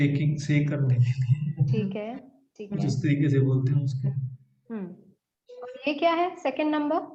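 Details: Adult woman speaking Hindi; Normal speech.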